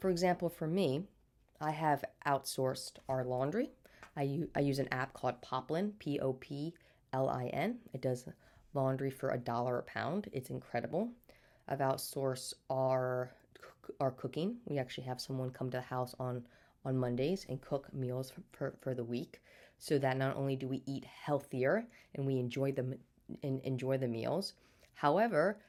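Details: Stuttering in an adult woman who has stuttered since birth, had speech therapy throughout childhood, and still stutters day to day.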